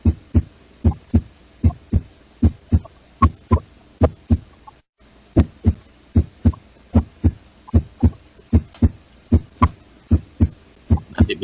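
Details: Veterinary teaching recording of normal heart sounds, heard at the tricuspid area on the right side behind the humerus near the axilla.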